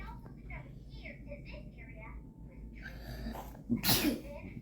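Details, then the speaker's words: Child sneezing after a cotton swab was pushed up the nose, unable to stop: adult talk in the background, then one sudden, explosive sneeze. "where's that face you're sneezing because they shove that thing up you got it baby"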